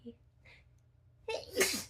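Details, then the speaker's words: Person with repeated sneezes and snorting while painting: a faint intake and brief sound, then one loud explosive sneeze with a breathy burst and a short voiced tail. "God, I need to sneeze again. Excuse me."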